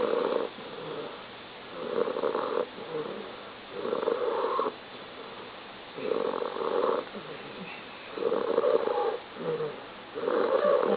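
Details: Repeated soft, buzzing snores about every two seconds, alternating with quieter breaths out; snoring.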